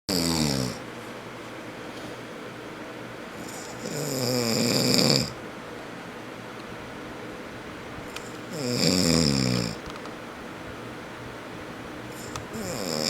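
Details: Sleeping adult man (a father), known as a loud snorer: loud rattling snores on each in-breath, about 14 breaths a minute, with quiet pauses between; snoring.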